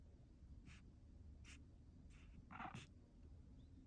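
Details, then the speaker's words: A sleeping cat gives four soft, brief, breathy cough-like puffs against a low room hum, a mini cough in his sleep. "You okay? Are you having some coughs? I was working and I just heard a mini cough. Looks like just what's happening in his sleep."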